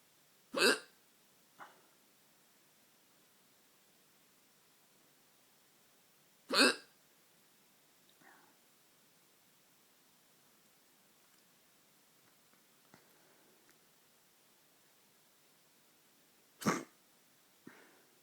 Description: Late night hiccups